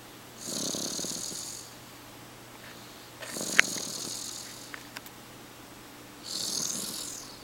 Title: snores 3.31.09